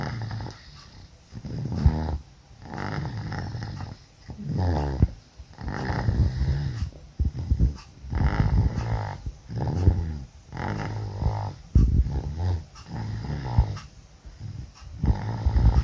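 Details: Sleeping dog, ill with flu and cough: loud, rough, rattling snores on each breath, about 15 a minute; very loud upper-airway snoring attributed to the illness.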